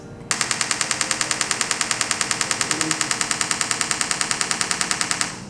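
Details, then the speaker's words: Repetitive transcranial magnetic stimulation machine firing a 10 Hz pulse train through its coil in a demonstration: a rapid train of sharp, evenly spaced clicks lasting about five seconds. "E aí se desenvolveu a técnica de estimulação magnética transpraniana repetitiva então aqui nesse exemplo eu vou disparar pulsos repetitivos a 10 regras"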